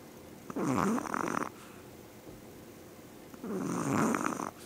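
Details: Small Yorkie dog whose owners say she snores louder than any dog they have owned: two loud, rattling snores about every three seconds in a quiet room; snoring.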